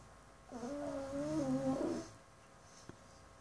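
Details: Pug in deep sleep: one drawn-out, humming snore lasting about a second and a half, with a wavering, human-sounding tone.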